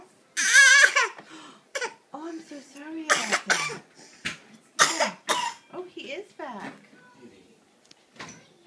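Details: Young child's bad cough: several harsh coughing bursts with whimpering and fussy vocal sounds between them, in a small quiet room.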